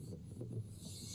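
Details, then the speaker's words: Teaching audio demonstration of rhonchi from obstruction or narrowing of the larger airways (bronchi, bronchioles), often clearing after coughing, seen in chronic bronchitis, COPD, pneumonia: low-pitched rumbling, snoring breath sound. "तो bronchi या फिर ब्रोंकयोल्स में अगर larger obstruction आ जाए, narrow हो जाए तो एक रबलिंग साउंड आता है और उस साउंड को हम बोलते हैं ब्रोंकाई।"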